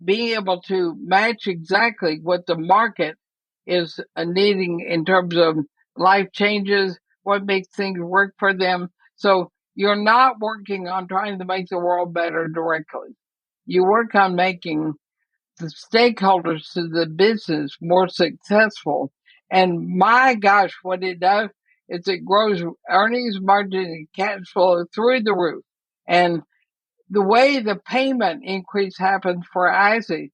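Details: Dysarthria in a woman near 80 with ALS (Lou Gehrig's disease); she says she is already having quite a bit of trouble speaking but believes she is still intelligible.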